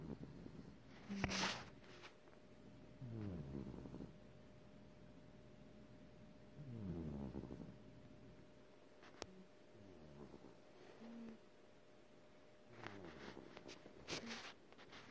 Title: Snoring